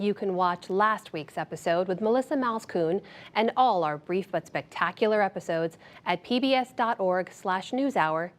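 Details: Adult woman; Normal speech.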